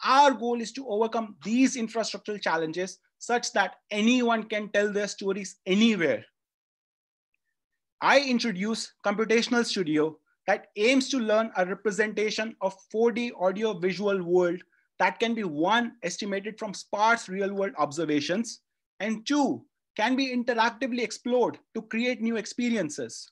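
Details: Adult speaker; normal speech.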